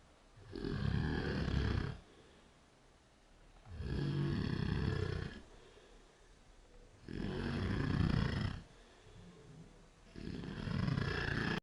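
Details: Adult woman asleep and passed out at 5 AM after a bonfire party, recorded on night-vision camera: loud, low rumbling snores with each breath, about 19 breaths a minute, quiet gaps between.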